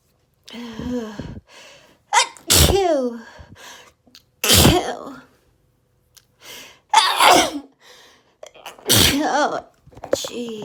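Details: Rapid run of four or five loud sneezes, each after a gasping inward breath, with short exclamations between — rapid, desperate allergy sneezing fit.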